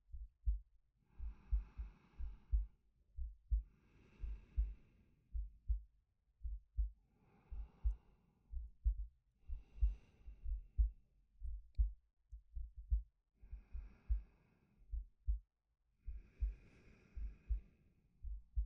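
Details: Male ASMR sleep-aid recording: steady low heartbeats at about 60 a minute with slow soft breaths every few seconds on top; calm, regular normal heartbeat with breathing.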